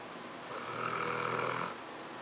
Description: My English Mastiff is snoring and sleeping in a funny position